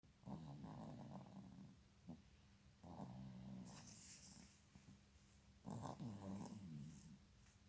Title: how a newborn baby snore during sleep, snoring for newborn baby is normal#short#BlindBacha